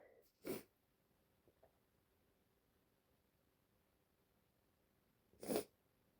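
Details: Two brief, sharp sneezes about five seconds apart in a quiet room from someone in bed feeling unwell, possibly getting a cold.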